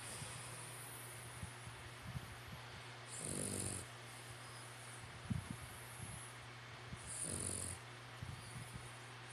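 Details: Snoring battle between Dada and Tania Nicole, a furbaby girl: two low, rumbling snores about four seconds apart over a steady background hum.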